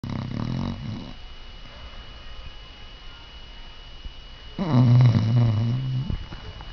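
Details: A sleeping female pet, almost 7 months old, snores loudly: two low, rattling snores on breathing in with quieter breathing between and faint room noise. She also chews in her sleep.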